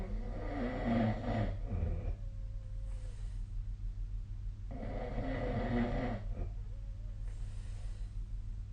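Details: Snoring during sleep, recorded with the SnoreLab app on 2025/02/02: two rough, rattling snores on the in-breath, a few seconds apart, over a steady low room hum.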